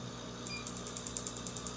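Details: Second Q-switched laser session removing botched microbladed eyebrow tattoo, last pass with a DeScribe PFD patch: rapid regular snapping clicks, about five per second, over a steady machine hum as pigment breaks apart.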